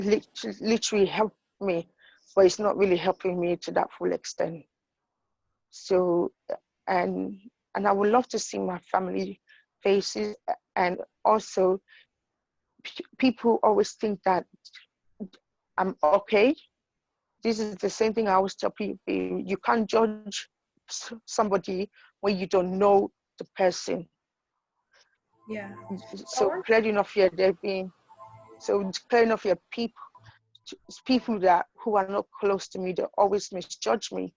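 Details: Adult woman with idiopathic intracranial hypertension and sight loss; the condition changed her speech, with difficulty saying even easy words; acquired stuttering.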